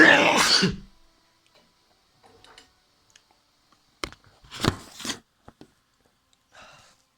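One loud, harsh burst of throat clearing, then quiet clicks and small sounds in a still room.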